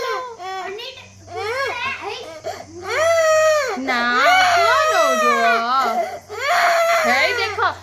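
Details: A young child cries loudly with wailing sobs and catching breaths in a small room after being pushed off the stairs by another child and bleeding.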